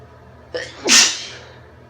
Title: Induced sneezes (F)